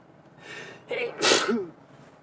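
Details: A quick inward breath, then one sharp explosive sneeze, part of a sneezing fit while driving.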